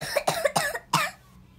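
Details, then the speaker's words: Sick child with a nasty cough: a quick run of four short, harsh coughs in under a second, then quiet. "he has actually been sick but through coughing but I've just said to Rach I think you not too bad in yourself but I can't send him that cough is nasty"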